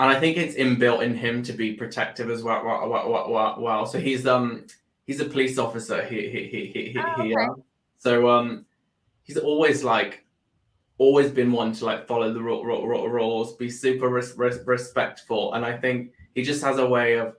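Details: Adult man with Tourette syndrome that developed about four years earlier after illness with seizures and brain swelling; whistling, shouted-word, head and arm tics; stammer with repeated words, worse under stress; stammer (stuttering) in Tourette syndrome.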